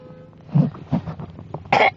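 Several soft throaty grunts, then one sharp explosive cough burst at the end.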